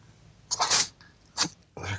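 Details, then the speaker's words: Person sneezing; two to three sharp, hissing bursts of air in quick succession; a run of sneezes. "that one and you believe I caught that sneeze my face I'm sorry anyway it's not funny"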